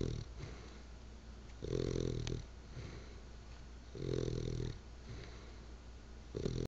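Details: Sleeping bulldogge snoring: low, buzzing snores repeating about every two and a half seconds, with a soft room hum behind them.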